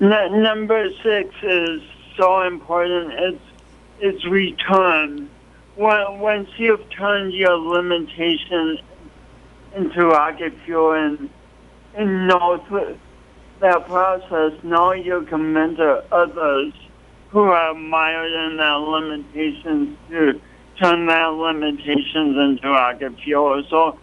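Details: Adult man with a pronounced speech impediment and coordination awkwardness since an early, traumatic birth with loss of oxygen; speech impediment.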